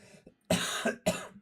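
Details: Two sharp, harsh coughs in quick succession from an adult who says they are sick, with faint room sound before them; a cough.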